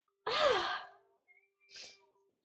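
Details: One of eight sneezes in a row: a single sharp burst of air with a voiced rise, then a softer second burst.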